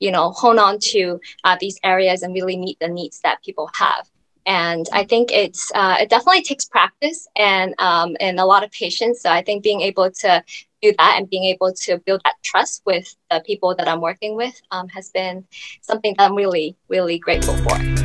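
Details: Adult woman speaking; typical speech.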